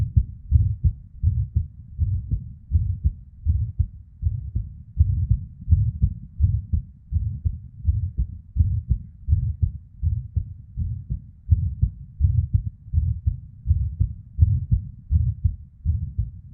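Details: Recording from a female with an irregular heartbeat: low thumping heartbeat around 80 a minute with uneven spacing, early PVCs/ectopic beats, and a soft whooshing murmur (blood flow) between beats.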